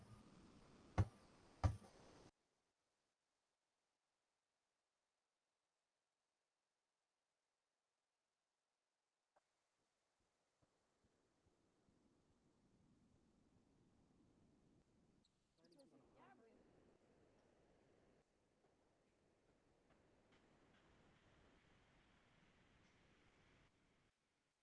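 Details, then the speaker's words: Simulated moderate hearing loss from a classroom hearing demonstration: after two sharp knocks, everyday sounds turn muffled and very faint. Untreated, this level of loss can significantly affect daily life. "uma perda auditiva moderada se não tratada pode afetar sua vida diária de modo significativo"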